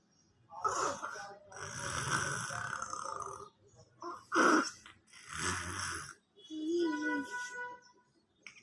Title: Baba snoring # baby # 🤣 funny #shortvideo